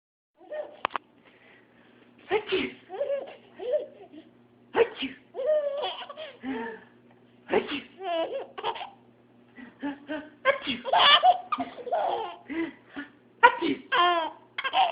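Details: Infant laughing in bursts between short, sharp sneeze-like sounds; a baby laughing each time he hears someone sneeze.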